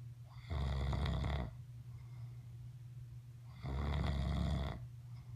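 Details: Father (adult man) snoring: two deep, rumbling snores about three seconds apart on in-breaths, with quiet breathing between.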